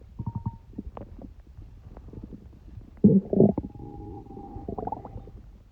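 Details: Soft gurgles and bubbling, then a louder rumbling growl with squeaky tones from the stomach of a person with a cold; ordinary bowel sounds.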